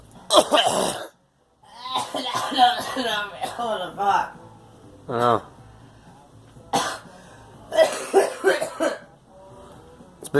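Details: Girl coughing repeatedly, several coughs amid chatter and background music.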